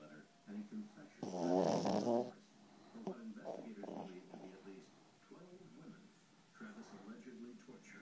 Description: Miko snoring like a bear